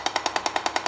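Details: Rapid, evenly spaced sharp tapping pulses, about ten per second, from a radial shockwave handpiece in continuous mode, described for treating plantar fasciitis via a coupling medium; radial shockwave therapy.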